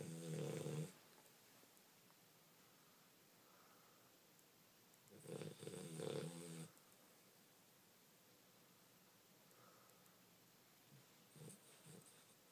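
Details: 11-week-old Cane Corso puppy snoring loudly while asleep: rattling, snorting inhalations about every five seconds with quiet pauses between; snoring.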